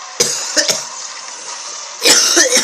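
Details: Gamer still sick with a hated cough: several short, sharp cough bursts while playing Super Mario Odyssey, with game music behind them.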